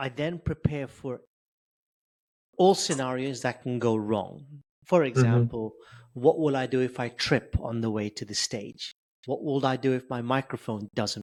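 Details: Adult male with stuttering since age 10, reporting blocks, prolongations and repetitions; stuttering.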